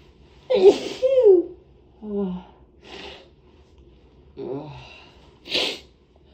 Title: Two big sneezes into a hanky (f)